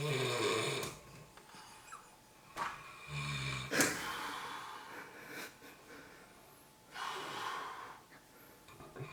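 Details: Irregular rough, noisy snoring breaths, roughly 18 a minute, in a quiet room: snoring in a sleeping person.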